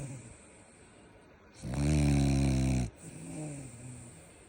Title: Snoring Frenchie #frenchbulldoglover #frenchiemoment #frenchbulldog